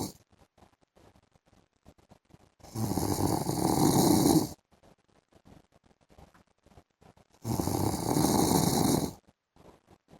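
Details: Two loud, long, rough snores about five seconds apart with quiet breathing between, from a husband sleeping in the afternoon; heavy snoring during sleep.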